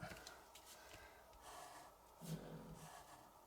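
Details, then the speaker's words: Quiet, low rumbling, snorting breaths from a sleeping female pet, with one louder inhalation midway against faint room noise: snoring. "she's really going for it and she she's probably snoring i never know whether or not you can hear it"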